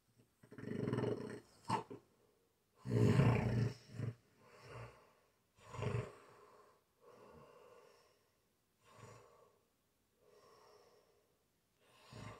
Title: roommate's snore with my belly